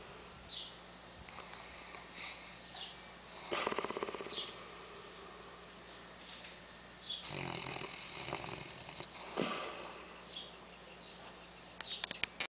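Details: Sleeping English Mastiff, female, 2 years 2 months old, gives rough, rattling snores in irregular bursts with quieter breathing between: snoring.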